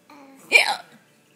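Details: Hiccup that people laugh at: a single sharp, sudden catch of breath with a brief voiced squeak.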